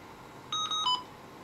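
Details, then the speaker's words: Three short electronic tones from a Babylog 8000 plus neonatal ventilator during flow sensor calibration at setup, with the test lung closed on the circuit; routine ventilator calibration beep. "then seal white piece and press Start so I will move the test line right now I'll close on it and the flow sensor I will be start"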